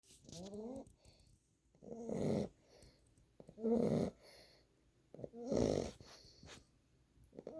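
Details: Nine-week-old boxer puppy sleeping on owner's lap: rough, rattling snores about 35 breaths per minute with brief snorts between; ordinary snoring.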